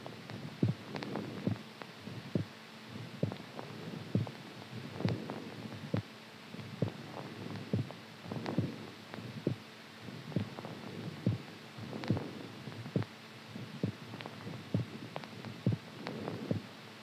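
Steady, regular low thumps at about 68 beats a minute with a faint steady hum behind; a normal heartbeat.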